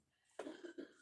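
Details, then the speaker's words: Wife, said to be unwell, coughing heavily: one harsh cough burst then a smaller second burst, heard at a distance in a room. "you can hear me Mrs coughing her lungs up she's fucking not well"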